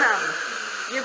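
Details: Live gingivectomy and restoration with Fuji II of a subgingival gumline cavity on tooth 13, buccal surface: steady high-pitched airy whine from a dental handpiece or air-water syringe during the filling.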